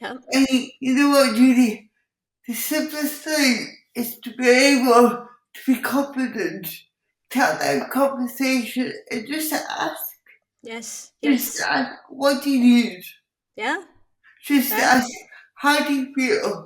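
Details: Speech impairment in an adult woman with cerebral palsy, who also has involuntary movements and uses a wheelchair.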